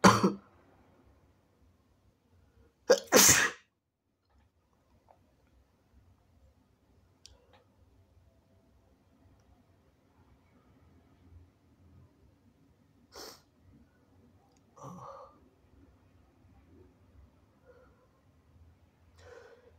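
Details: Person with sinusitis doing induced sneezes: two sharp sneezes followed by quieter sniffs and nose sounds in a quiet room, with much nose blowing; sneeze.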